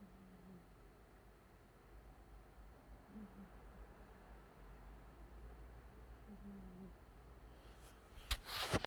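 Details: Deeply sleeping cat in a quiet room: soft, low snoring tones at about 20 breaths a minute.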